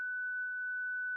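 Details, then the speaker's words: Zoll Zenix defibrillator/monitor charged tone during the daily 30-joule energy delivery self-test: a steady, unbroken high tone showing the device is charged and the shock button illuminated, ready to shock. "Verify that Zenix charges, a constant tone sounds, and the shock button illuminates."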